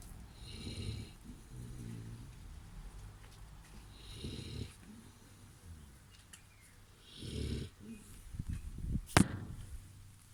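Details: Sleeping Boerboel dog snoring: deep fluttering snores on each breath, several in ten seconds, with a sharp snort near the end.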